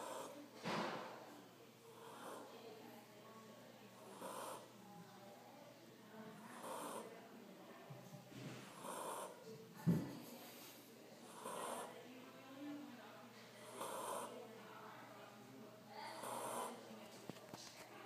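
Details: Snoring during sleep at a doctor's office: repeated soft, noisy snorting nasal breaths about every two seconds, roughly 30 a minute, with one sharper snort.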